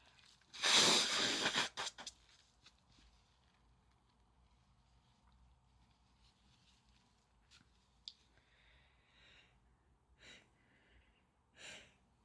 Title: Apparently I wasn't quite done with the sneezing and nose blowing